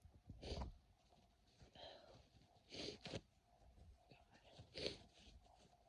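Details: Adult with a cold, very congested, feeling it move to the chest: several soft, breathy sneezes, some in quick pairs, in a quiet room; repeated sneezing.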